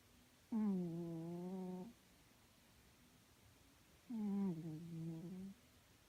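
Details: A sleeping cat gives two drawn-out, buzzy, tonal snores about three and a half seconds apart, with quiet room noise between; snoring.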